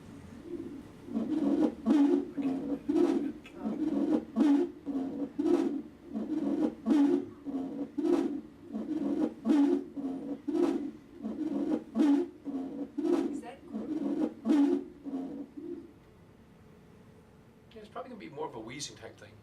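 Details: Lung sounds of a child in respiratory distress breathing room air, in a pediatric emergencies training: rapid, regular breaths with a low musical tone; wheezing from narrowed airways.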